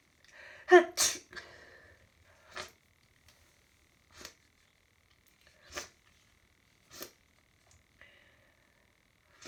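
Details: Hay fever sneezing fit lasting about an hour, with a stuffy nose: one loud, forceful sneeze followed by several softer sneezes and sniffs.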